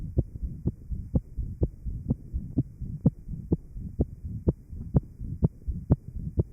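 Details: 1955 Johns Hopkins heart sound lab recording: interventricular septal defect after post-op plication (banding) of the pulmonary artery. Rapid regular heartbeat near 125 a minute with low rumbling noise between beats.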